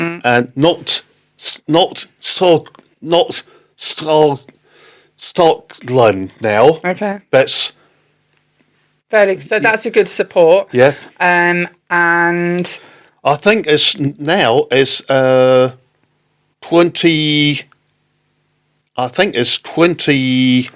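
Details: Non-fluent aphasia in an adult man, a father, after a stroke in October 2019; non-fluent speech with word-finding pauses.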